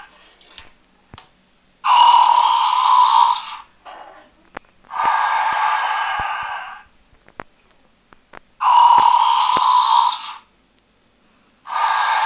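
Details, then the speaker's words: Four evenly spaced rushing breath sounds with mechanical clicks between, from a battery-powered faux-fur sleeping-cat toy (30×18 cm) activated by pressing its paw; simulated breathing and snoring, not a real animal. "вот котик умеет храпеть и дышать для этого нужно нажать на лапку"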